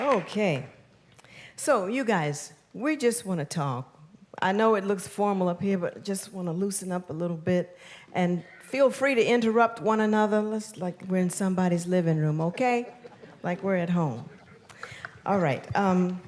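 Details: Adult woman speaking; Normal speech.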